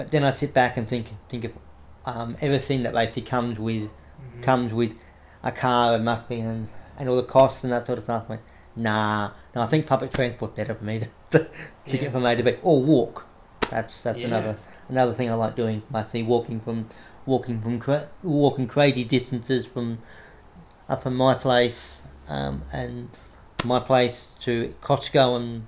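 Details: Adult man with cerebral palsy after severe meningitis in infancy, right arm and leg affected, says he has a bit of a stutter he controls by calming down; repetitions of words and phrases audible; stuttering.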